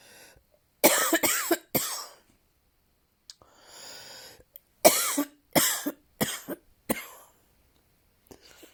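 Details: Acted, simulated cough: two bouts of harsh, explosive coughing, three and then about five coughs, with a breath drawn in between.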